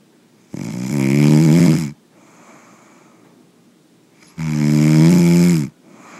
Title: Stop snoring when sleeping (SORRY FOR HEARING)